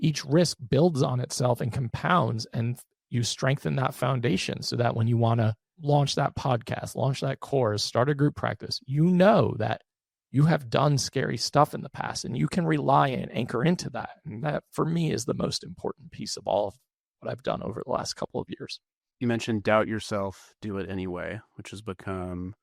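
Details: Adult man with one vocal cord paralysed after open throat surgery for a rare, chronic, recurring throat condition (endoscopic surgery in 2021, recurred within 4 months); voice improved but still fatigues daily; unilateral vocal fold paralysis with vocal fry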